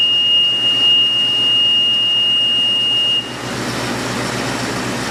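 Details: Steady high tone for about three seconds, then continuous hum and hiss of a portable oxygen generator running and cycling during a training demonstration.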